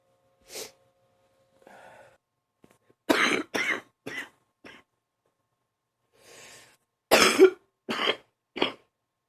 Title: # 85 another morning deep cough